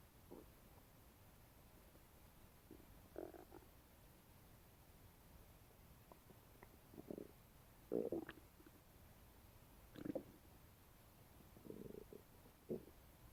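Intermittent gurgling and rumbling stomach noises after a meal, ordinary bowel sounds of digestion.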